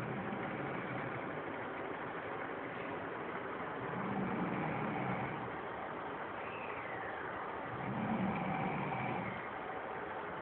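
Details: Adult man snoring while asleep beside his sleeping baby son, whom he had been minding.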